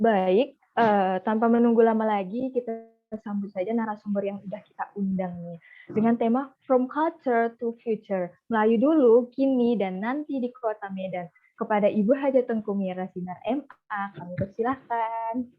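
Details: Adult woman speaking; normal voice.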